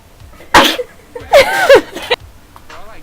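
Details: A sharp sneeze burst, then short vocal sounds and a second, smaller burst; a girl sneezing when her nose is flicked.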